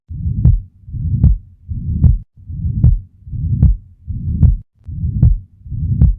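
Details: Ventricular septal defect murmur heard at the lower left sternal border on auscultation.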